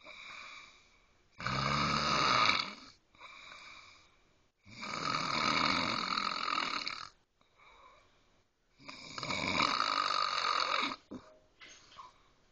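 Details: Three loud, rough, rattling inspiratory snores, about two seconds each, quieter breaths between, from an adult woman sleeping, later treated; heavy snoring.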